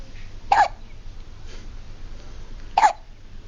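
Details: Baby boy with two short, sharp hiccups about two seconds apart and a faint one between, against quiet room noise: hiccups.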